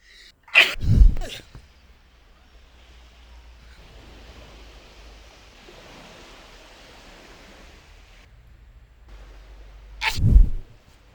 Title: The Sneeze